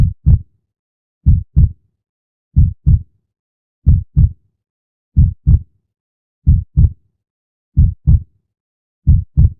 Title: Heartbeat sound♥5 Minutes